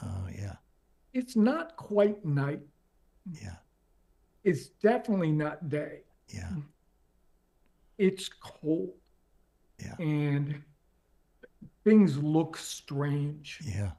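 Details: Adult man with late-stage ALS, diagnosed 4.5 years ago, paralyzed from the mid-throat down. He speaks using a ventilator to inflate his lungs and has difficulty speaking and breathing. Dysarthria in amyotrophic lateral sclerosis.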